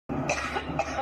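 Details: Adult woman in a coughing fit while giving a speech: a couple of harsh, throaty coughs in quick succession over steady room hum.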